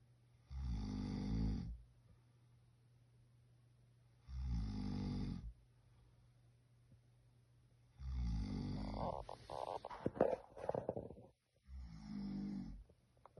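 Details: Someone snoring at night by Lake Yojoa, Honduras: loud, low, rumbling snores about every four seconds, roughly 15 a minute, with a steady hum and brief rustling; typical snoring.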